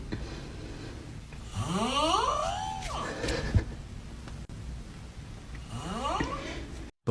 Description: 😂💤 You Won’t Believe These Snore Sounds Are REAL!